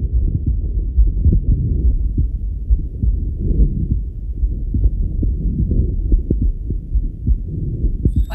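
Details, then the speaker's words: Regular low heart thumps heard through a Littmann Core digital stethoscope placed on the chest, volume set about halfway, over a steady low rumble; normal heart sounds. "now this became really quite enjoyable and I could really hear the heart sounds really clearly and everything just was so beautiful"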